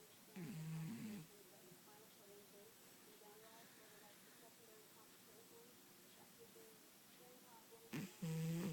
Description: Our cat Toby is snoring in his sleep